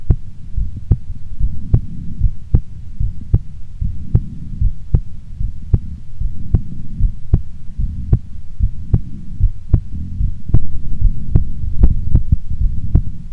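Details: Woman's heartbeat before sleep: steady normal resting rhythm about 75 beats a minute over a low rumbling hum.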